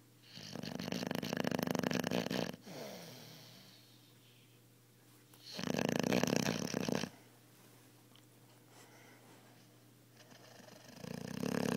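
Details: 4.5-month-old female Italian Cane Corso Mastiff puppy asleep, a loud sleeper: loud rattling snores on each breath roughly every five seconds, quieter breathing between; puppy snoring.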